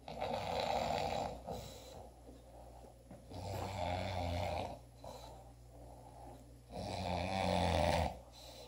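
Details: Loud, rough snores with each breath in, about 18 a minute, with quieter breathing in between: typical snoring.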